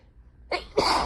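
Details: A quick indrawn breath, then one forceful sneeze from an adult on day 1 of a cold with fever.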